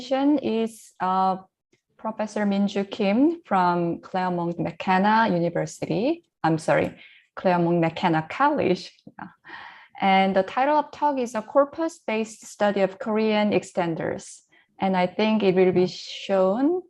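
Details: Adult woman speaking; normal voice.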